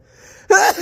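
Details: Single sudden loud sneeze-like burst of air after a near-silent moment, cutting off sharply, at home with a pet cat; it is unclear who sneezes, cat reportedly startled. Sneeze.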